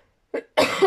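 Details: Cough heard over an adult woman speaking; a dog snoring behind a door is also mentioned.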